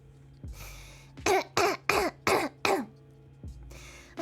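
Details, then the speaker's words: A sick person coughs in a run of five harsh, hacking coughs in quick succession, with breath sounds before and after. "also i'm sorry i have to cough a lot"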